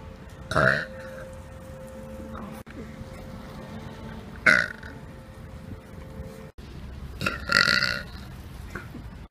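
Three loud belches a few seconds apart over steady background noise and a faint hum; ordinary burping.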